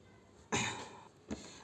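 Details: Two short harsh coughs, one stronger then a smaller one, in a quiet room; incidental coughing while talking.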